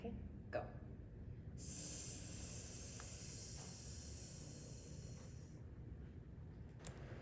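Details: Child; sustained /s/ prolongation (s/z ratio task).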